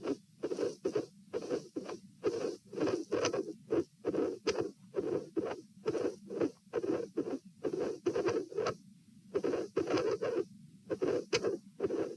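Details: Heart sounds recorded at the pulmonary area with the patient sitting, in a patient with a dilated aortic root. The rhythm is irregular, with early beats and occasional longer pauses from premature atrial and ventricular contractions (PACs and PVCs).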